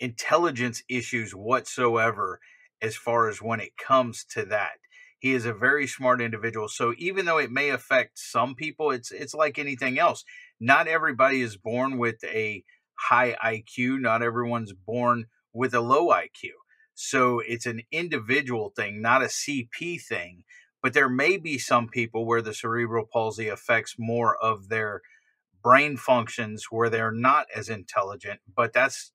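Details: Adult male speaker; typical speech.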